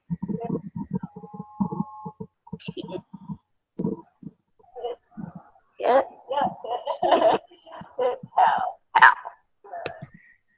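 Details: Patient with the adductor form of spasmodic dysphonia, in which adductor muscle spasms interrupt voicing, especially on vowels, with a tight, strained sound; adductor spasmodic dysphonia.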